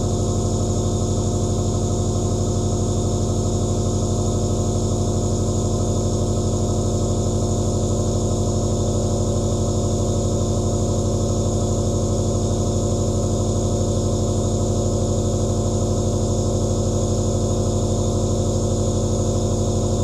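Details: Continuous steady buzzing hum of a nebulizer compressor producing aerosol, running without pause.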